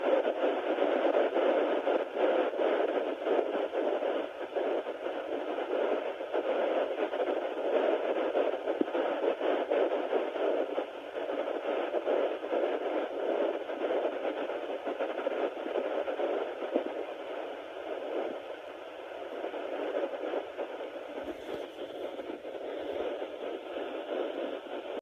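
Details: Fetal Doppler (Sonoline B) at 9 weeks of pregnancy: steady hissing static with no distinct fetal heartbeat while the probe searches.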